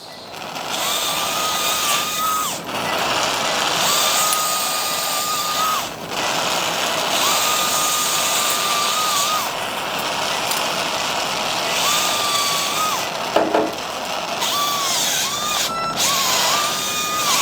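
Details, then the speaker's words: High-speed surgical drill on the base of the spinous process during real biportal endoscopic (UBE) decompression of two-level lumbar canal stenosis: repeated whining bursts over constant irrigation hiss. "drill we drill the base of the spinus process"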